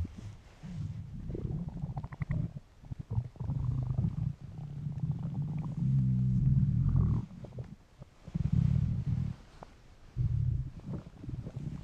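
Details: Irregular bursts of low gurgling rumbles and bubbling squeaks with brief quiet gaps: hungry stomach noises, ordinary borborygmi (stomach rumbling).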